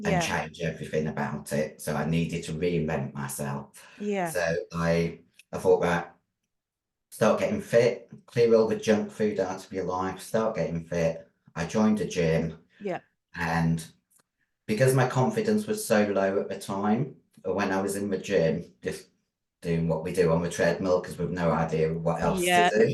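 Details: Female bodybuilder with androgen-induced voice deepening (virilization) after taking large doses of male steroids (performance-enhancing drugs). Her voice was formerly high-pitched and is now very deep, and she can no longer sing.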